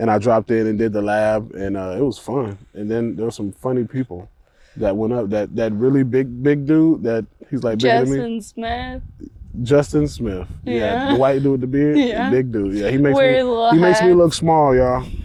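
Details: Ataxic dysarthria in a 28-year-old woman with Friedreich's ataxia, a progressive genetic disease. Speech and gait problems were noticed around age 15, with diagnosis at 18 about 10 years ago. She uses a wheelchair and takes Skyclarys to slow progression.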